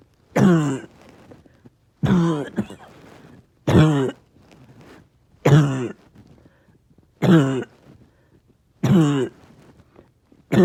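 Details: Six harsh, voiced coughs at a steady pace, about one every two seconds, with quiet pauses; person with a bad cough all day, tired, with chest pain.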